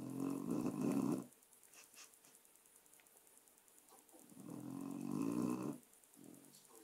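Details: Dog snoring during a short nap: two loud, rough, rattling snores about four seconds apart, with quiet pauses between breaths.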